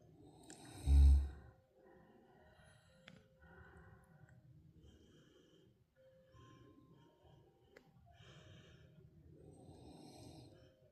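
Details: Sleeping Tibetan Mastiff dog snoring: soft, low rumbling breaths with a snort at the start, in a quiet room with faint music.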